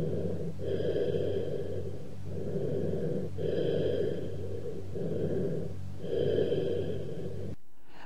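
Hollow, low-pitched, blowing breath sounds with a gap between phases: cavernous bronchial breathing over a lung cavity.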